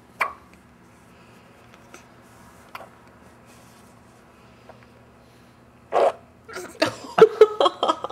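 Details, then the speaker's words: Infant girl hiccups: several brief, sharp, irregularly spaced gulping clicks in a quiet room, followed by rustling and movement noise. "Man, you were concentrating on that one. She's got another one coming. That sounded wet, Daddy."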